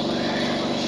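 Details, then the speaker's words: Home oxygen concentrator running in the background, a steady mechanical motor hum with faint rhythmic pulsing; used by a woman with systemic lupus erythematosus, a smoker with lung damage after severe pneumonias, who needs permanent oxygen. "ese aparato que se escucha de fondo es lo que te da vida prácticamente"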